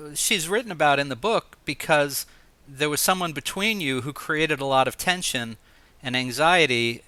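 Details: Adult male host; typical speech.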